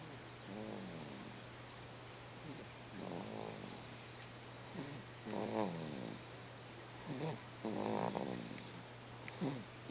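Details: Sleeping baby makes soft grunting, snore-like noises, about 26 a minute, over a steady low hum; infant noisy breathing during sleep.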